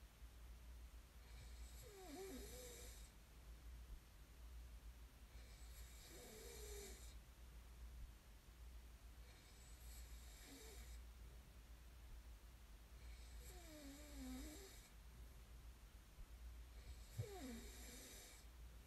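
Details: Snoring recording made as sleep ASMR: soft, rattling snores about every four seconds, roughly 15 a minute, over a low room hum; ordinary sleep snoring.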